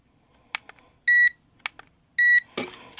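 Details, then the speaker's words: Two steady electronic beeps with soft clicks from an infrared thermometer taking a baseline forearm skin temperature (about 36°C) before 850nm LED panel heat lamp exposure. "I'll take another initial temperature just to make sure."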